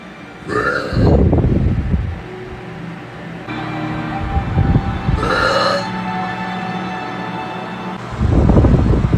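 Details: Girl burping in a TikTok clip: two long, deep, resonant belches with background music between them; loud burping.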